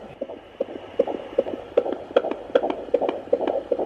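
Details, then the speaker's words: Fetal heartbeat at 15 weeks of pregnancy, heard at home on a handheld Doppler: fast, regular whooshing beats read as 159 a minute. The signal is lost whenever the mother tenses her muscles or moves. "That That's got to be it. That's definitely it. You moved. That's got to be it. Yeah. Oh, that's amazing. That's what is 159."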